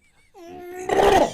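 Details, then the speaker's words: Imitated sneeze: a man mimics his father's sneeze, which he says he has inherited and which repeats many times in a row. "i got my dad's sneeze i do too oh [ __ ] i get to the point where my dad is my dad sneezes sounds like this it goes"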